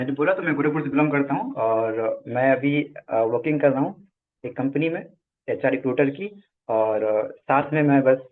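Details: Adult man who stammers; stuttering.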